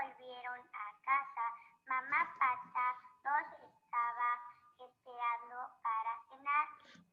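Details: Child after speech therapy and custom-made pharyngeal flap: reduced hypernasality and considerably improved nasal emission versus pre-treatment, with changed nasometry results.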